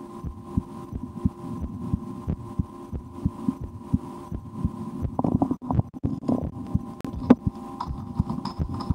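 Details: Own heartbeat recorded through a stethoscope for relaxation, at times holding breath or playing a game to raise the rate, after a restaurant lunch; regular thumps over a steady low hum, handling rustle later; normal heart sounds.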